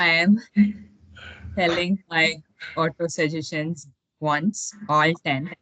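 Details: 33-year-old Tamil/English-speaking woman who has stuttered since age 9, with blocks, grimaces and body contortions; past therapies brought little lasting change, and she is now in coaching on a speech plan, with some improvement; stuttering.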